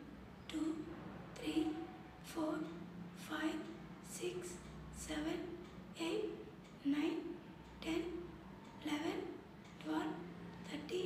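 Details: Female patient counting from 1 to 20, recorded before voice therapy, with a high-pitched, hoarse, breathy voice; dysphonia.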